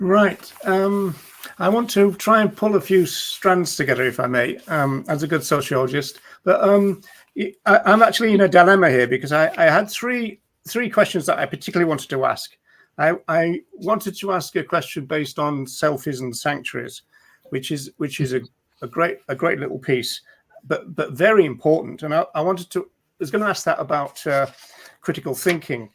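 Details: Adult male speaker; normal conversational speech.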